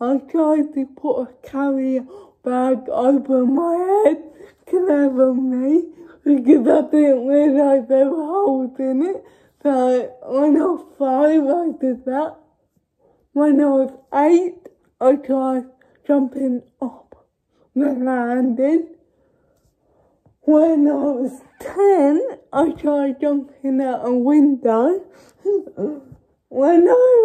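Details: Young woman who states she has cerebral palsy, speaking spontaneously (real, not acted); dysarthric speech in cerebral palsy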